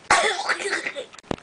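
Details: Adult with throat irritation, unable to clear something from the throat: harsh cough burst trailing into a rough throat-clearing sound, then a brief second cough.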